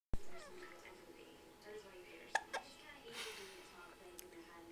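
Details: Infant hiccups: two quick, sharp hiccups close together over quiet room noise.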